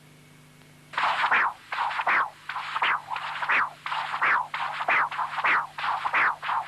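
Repeated whooshing Doppler flow signals, about 88 a minute; a high-velocity holosystolic jet of mitral regurgitation.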